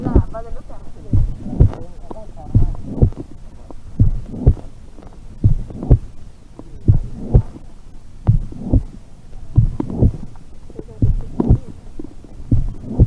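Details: Colombian Criollo horse with a heart murmur: slow, regular heartbeat at about 43 beats a minute, with a whooshing murmur blending into the heart sounds.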